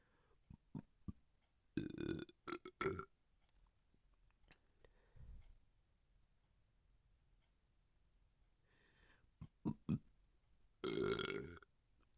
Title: #belching #gassy #burp